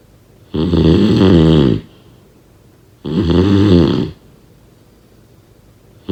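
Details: Two loud, rattling snores on breathing in, about 25 a minute, with quiet pauses between them; ordinary snoring.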